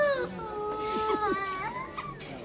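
A young child cries in a sustained, falling wail with a few catches and sobs in a small room.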